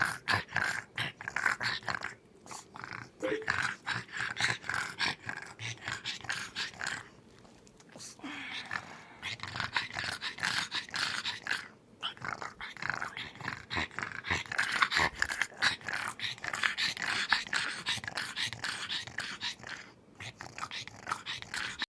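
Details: Small dog Sammy gives repeated harsh, snorting coughing bursts with rough, growl-like breaths between them.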